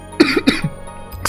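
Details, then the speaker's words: Adult coughing after off-brand cola went down the wrong way (aspiration): three short, harsh coughs in quick succession. "hmmm that went down the wrong way"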